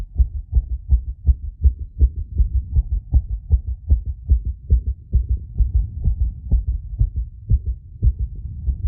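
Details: Self-induced temporary arrhythmia after intense exercise, breath-holding, rapid squats and exhalation; phonocardiogram heart sounds with ECG, heart rate peaking at 170 BPM; fast, strong beats, slightly uneven spacing; tachycardia.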